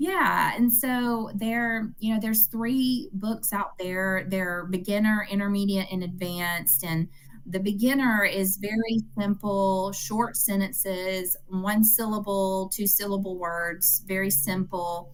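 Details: Adult woman speaking; Normal speech.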